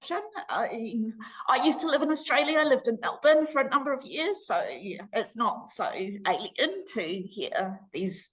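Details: Laryngeal dystonia (spasmodic dysphonia) in an adult woman, treated with Botox injections to the vocal cords every six months; currently due for her next shot.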